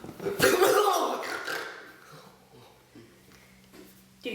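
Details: A single loud, explosive sneeze, fading quickly to quiet room tone with a faint hum; sneeze.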